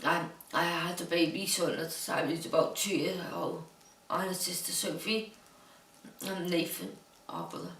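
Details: Dysarthria in an adult woman diagnosed with Huntington's disease who now lives in a supportive care home.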